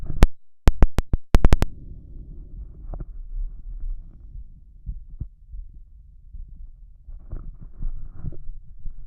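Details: Adult male, chest bared, heart auscultated with a stethoscope over each valve, with a visibly heaving apical impulse. Low, forceful heart thumps at roughly 95–100 a minute with handling clicks; rapid forceful heartbeat.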